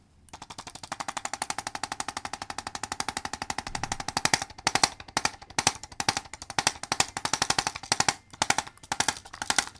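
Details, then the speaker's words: Arthrostim handheld chiropractic adjusting instrument tapping a patient's neck to finish areas not reached by manual adjustment: a long run of rapid, rattling mechanical taps, later broken into short bursts. "I'm going to basically tap it and and kind of finish off the area that I didn't get to with my hand and this is a great tool I'm going to tap his neck now"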